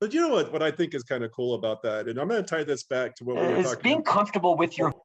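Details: Adult man speaking; Conversational speech.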